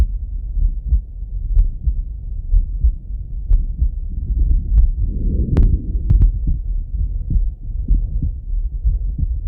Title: Chill Auscultation 😊❤️🩺 [Male Heartbeat]